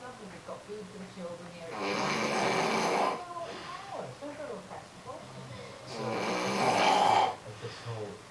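Two long, harsh, rattling snores about four seconds apart, with quieter breathing noise between them: loud snoring.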